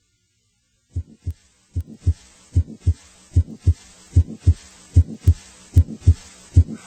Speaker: using the six point scale grade one indicates a murmur that is very faint and heard only after the listener has tuned in it may not be heard in all positions a